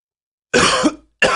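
One sharp, explosive cough that trails off, then the start of a second cough. Plain cough.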